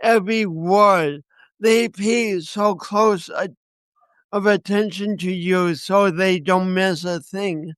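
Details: Speech impediment in a man who also has coordination issues; he says he has not overcome it.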